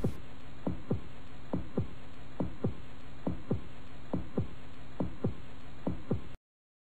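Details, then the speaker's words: Ordinary heartbeat heard through a stethoscope, chest piece touched to the chest: paired low heart thumps at about 70 beats per minute over a steady background hiss. "ketika dokter menyentuhkan corong pada dada seseorang bunyi detak jantung dan nafas akan merambat ke dalam selang dan setelah melalui proses pemantulan seperti pada tabung bicara dokter dapat mendengar dengan jelas detak jantung dan nafas sang pasien"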